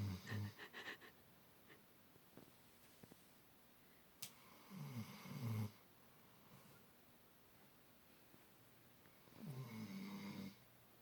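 Short, low, grunting snores in a few bursts separated by quiet stretches in a small room; ordinary snoring in a sleeping dog.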